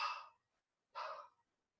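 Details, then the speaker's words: Vocal imitation by a lecturer of an aortic regurgitation murmur, heard at the aortic area to mid-sternal edge: two soft, breathy, fading whooshes imitating the early diastolic murmur. "Aotic regurgitation in the sash area. Aotic area to midternal edge. Okay. And that is due to that sounds like"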